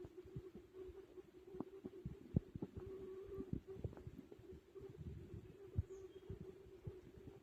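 Faint, irregular gurgles and clicks over a steady low hum. Bowel sounds of digestion after a large meal, a normal finding.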